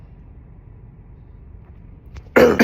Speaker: As y'all know, every time I cough, I build the casino.